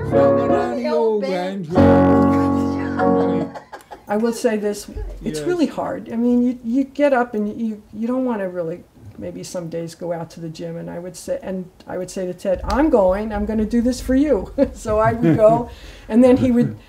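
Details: Adult woman speaking; ordinary speech.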